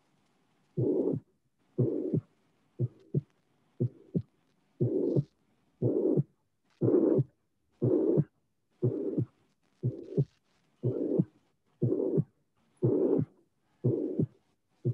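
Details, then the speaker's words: Regular heartbeat near 60 a minute with a systolic murmur that waxes and wanes cyclically, louder on inspiration than expiration: tricuspid regurgitation with Rivero-Carvallo sign. "So now we have listened without my comments, but I think that it's clear that there is a cyclic variation of the presence and entity of the murmur. So try to figure out the patient. The patient is making expiration, then inspiration, and then the murmur becomes more important."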